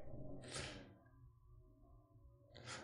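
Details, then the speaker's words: Pet dog napping beside her food bowl and snoring: snorting, hissing breath noises over soft background music, described as normal. "non c'est normal c'est c'est ma chienne qui ronfle la mascotte elle fait une super sieste à ce heure-ci vous pensez bien"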